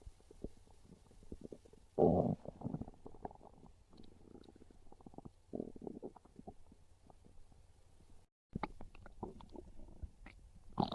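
Loud, low gurgling and rumbling from the belly in irregular waves, with a brief gap. Ordinary hunger stomach growls.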